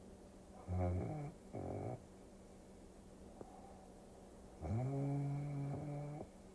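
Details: Quiet recording with a faint steady hum and two or three short, low, voiced snoring breaths, played as a relaxing sleep-aid recording; snoring.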